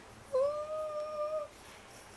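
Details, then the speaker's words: A thin, steady, high-pitched musical tone, an adult's vocal imitation of a wheeze (sibilo), given while explaining lung auscultation, then a pause and a voice; imitated wheeze. "o que que é o sibilo o cilindro é aquele barulho é bem fininha naquele barulho agudo"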